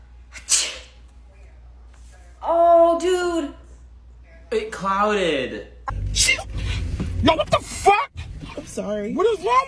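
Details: Deliberately faked sneezes as a prank on a boyfriend: several loud, abrupt sneeze-like bursts with voiced exclamations and talk between them; fake sneezing.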